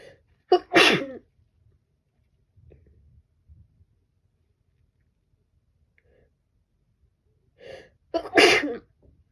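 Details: Woman sneezing during a cold the previous year: two sneezes, each a short in-breath then a sharp explosive burst, several seconds apart.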